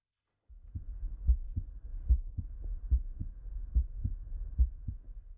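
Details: Regular paired heart thumps through a stethoscope at about 72 beats a minute: heart sounds on auscultation.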